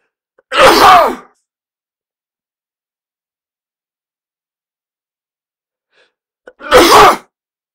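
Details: Sneeze sound effect: two sharp, explosive sneezes separated by a long silence, each preceded by a brief intake of breath.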